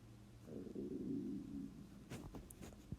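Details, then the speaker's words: Stomach growling (borborygmi) during a lecture: a low, gurgling rumble swelling and fading over about a second and a half. "sorry guys if you can hear my stomach growling"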